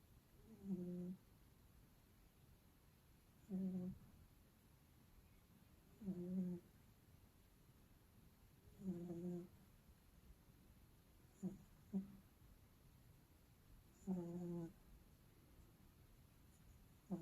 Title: Any more snore I will sue you